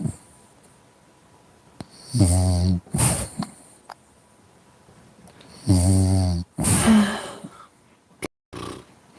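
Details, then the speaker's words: Sleeping French Bulldog snoring: loud, rattling snores, two noisy breaths in and out each, with quiet pauses between; ordinary snoring. "I'm just with my dog who's snoring. Do you want to hear it?"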